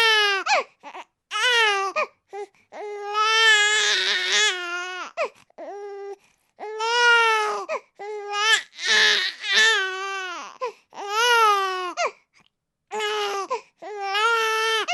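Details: Infant crying, from a baby sound sample: high-pitched crying in repeated wails with short gasping pauses.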